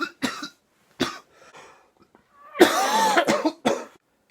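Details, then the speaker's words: Harsh, wet-sounding coughing fit with gasping breaths between coughs, in a 26-year-old with cystic fibrosis on a 2-week intravenous antibiotic course after lung function dropped from 92% to 74%, resting in bed after physio; cough in cystic fibrosis. "my coughing fit I'll actually lie there and think I am 26 and I'm watching Star Wars what is wrong with me"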